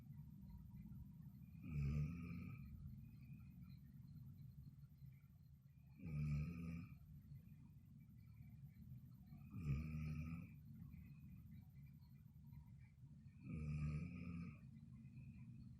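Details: Loud, rumbling snores, one on each breath in at about 14 a minute, with quiet breathing between them; snoring, described as the most melodious snoring sound.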